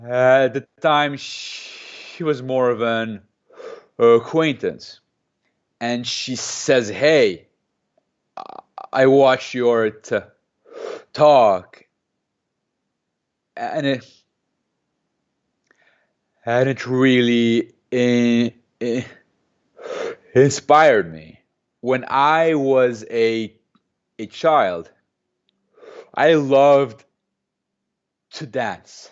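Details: Adult man who has stuttered since age 2 or 3, speaking in an interview and using a McGuire programme breathing technique to control it; stuttering.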